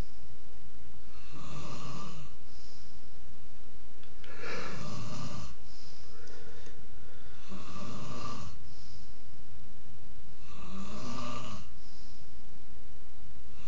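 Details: Man who says he doesn't snore: four loud, rattling snores about every three seconds, near 18 a minute, with quiet pauses between breaths; snoring.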